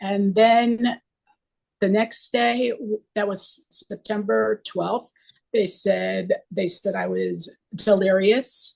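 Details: Aphasia caused by stroke in a woman 24 years after the stroke.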